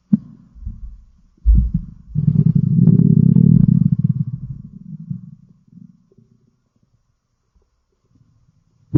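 Loud, low, bubbling gurgle lasting several seconds, then fading to quiet; stomach growling, ordinary bowel sounds.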